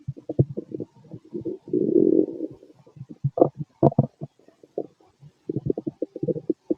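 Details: Late-night recording of a man's belly after a large meal, feeling gassy: bubbling, gurgling noises in short bursts with a longer rumble, ordinary stomach growling (borborygmi) from gas and fluid moving through the gut.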